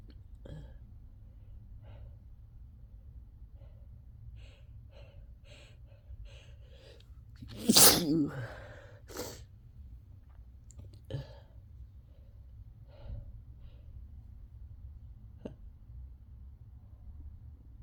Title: Messy induced sneezes